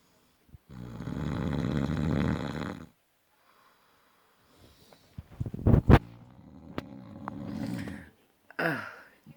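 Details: Adult man snoring in any sleep position (back, side or stomach): very loud, harsh, rumbling snores with irregular snorts and gasps between them in a small room; heavy snoring.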